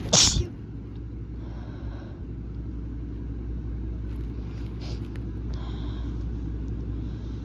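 One loud, sharp sneeze at the start, followed by steady low rumbling, like a vehicle or engine in the background.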